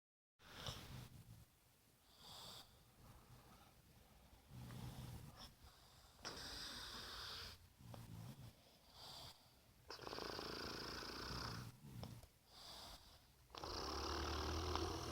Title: 2019 02 20. Snoring.